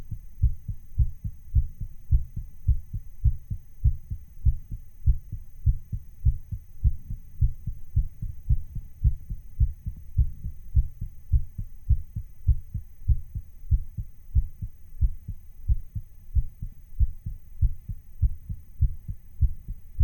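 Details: Own heart sound recording, artificially sped up a little: fast, steady, low thumping heartbeat at about 100 beats a minute, a racing heartbeat.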